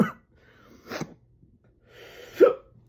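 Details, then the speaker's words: Adult with hiccups just after eating an extremely hot chip with Carolina Reaper and Trinidad Scorpion peppers: three short, abrupt throat catches about a second apart over a low steady hum, with sweating reported. "It has some heat to it. Oh, man. Oh, no. I got the hiccups."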